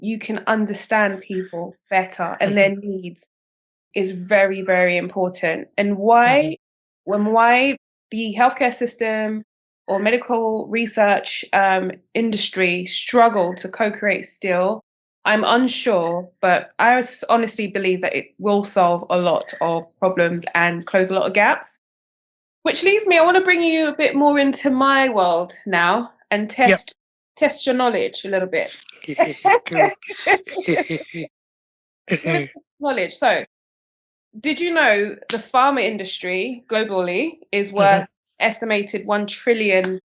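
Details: Adult speaker; ordinary speech.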